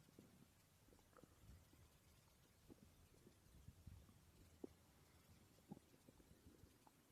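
Faint gurgles and small pops over a steady hiss: quiet stomach growling.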